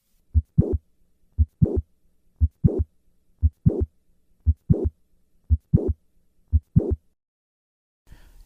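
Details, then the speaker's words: Simulated heart sounds, about 58 beats a minute, in mitral valve prolapse: a late systolic click and short murmur that move later in systole on moving from standing to squatting. "Moving from the standing to the squatting position causes the click and murmur to move later in cy. Listen to the change in the click murmur with a squat maneuver."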